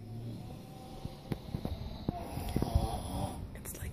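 Low rattling, buzzing breathing noise with soft irregular snorts over steady background noise; snoring.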